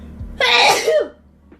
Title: Super very loud hot sneezes